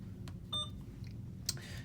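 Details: Short electronic beeps as buttons are pressed, over low room hum: normal keypad feedback from an IV infusion pump in a nursing school IV lab, programming a secondary ceftriaxone 2 g in a 50 mL bag over 30 minutes.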